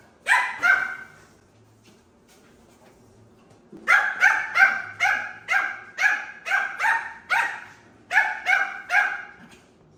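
A dog gives bouts of harsh, honking coughs, typical of a collapsing windpipe.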